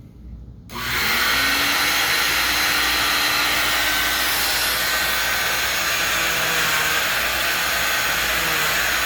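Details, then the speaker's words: Oscillating cast saw cutting through a freshly set fiberglass short leg non-weight-bearing cast with the in-and-out method, bivalving it so it can be spread for post-op swelling: steady loud high-pitched buzzing and grinding. "I'm going to grab the cast saw and then the next step in the video is I'm going to show you how we bu valve it and then how we how we spread it to allow for swelling posttop"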